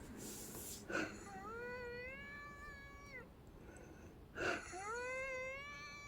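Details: Expiratory wheeze in a woman after walking to the bathroom and back to bed. Each short noisy breath in is followed by a long, high, musical whistle on the breath out.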